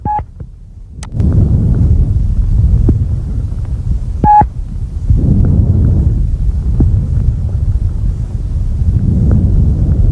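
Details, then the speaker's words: Soft, low-pitched, gently rustling breath sounds over the peripheral lung, inspiration longer than the quieter expiration with no pause: normal vesicular breath sounds. "note the relatively soft low-pitched character of normal vesicular breath sounds sometimes described as a sighing or gentle rustling these sounds are heard over most of the peripheral parts of the lung"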